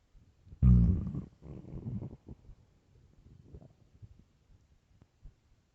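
Deep gurgling growl followed by softer rumbles and bubbling; ordinary stomach growling on an empty stomach.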